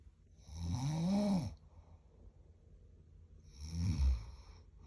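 Two loud, rattling snores on inhalation with quiet breathing between them; snoring.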